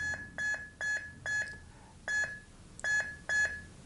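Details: Defibrillator monitor alarm: repeated short high electronic beeps in uneven groups from a manual defibrillator with paddles selected, monitor showing ventricular fibrillation, in basic life support training.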